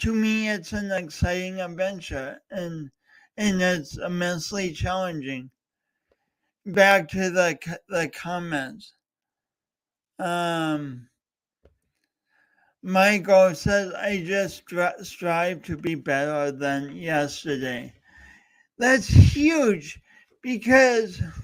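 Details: Adult host with a speech impediment, coached for years, talking live for three hours as a personal challenge. Finding: speech disfluency (stuttering-like).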